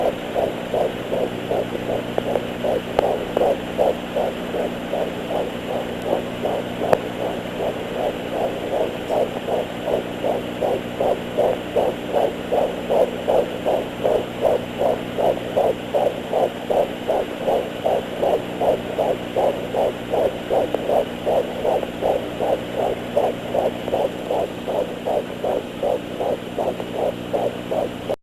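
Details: Fetal heartbeat on Doppler at 13 weeks 3 days of pregnancy: rapid, regular whooshing pulses, about 158 per minute, over a steady hum.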